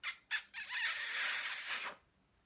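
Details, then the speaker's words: Dog with breathing problems that struggles to breathe, lying on the bed with its owner: two short hissing snorts, then a long harsh, squeaky rasp of air; noisy, labored breathing. "Voilà les bruits qu'il fait parce qu'il arrive pas bien à respirer, et ça le rassure d'être avec moi quoi."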